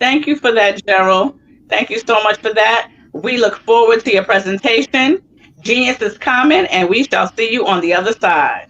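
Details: Adult speaker, likely female; Normal fluent speech.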